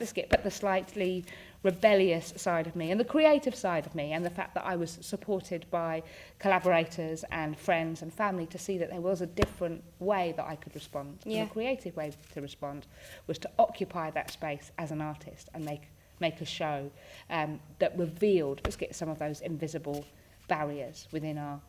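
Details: Woman with Tourette syndrome, a neurological condition causing movements and noises she can't control; her frequent vocal tic is the word "biscuit"; Tourette syndrome vocal tics.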